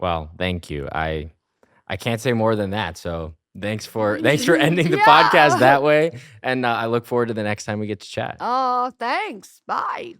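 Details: Adult speaker; ordinary speech.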